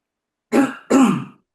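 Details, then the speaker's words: Two quick harsh throat-clearing bursts and a cough from an adult who says they have a cold, during an online class; throat clearing. "네. 아, 죄송해요. 제가 감기가 와 가지고"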